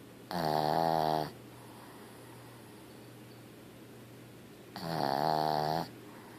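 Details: Sleeping female dog that wakes herself snoring; two loud, drawn-out snorting snores several seconds apart with quiet pauses: snoring.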